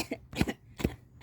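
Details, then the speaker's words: An adult gives two short, deliberate forced coughs in a small, quiet room, demonstrating voluntary coughing advised for someone alone with a suspected heart attack; a voluntary forced cough. "뭐냐면 그 가짜로 아도 기침을 하래요 침 가짜라도 억지 이렇게 예 억지로 기침해 보세요 이러면 펌프질을 하는 거래요"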